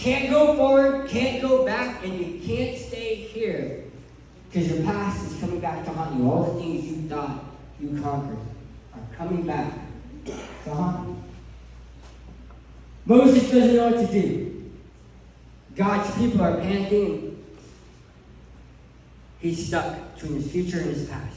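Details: Adult male who lost 80% of his tongue to cancer, leaving a permanent speech impediment; articulation disorder after partial glossectomy.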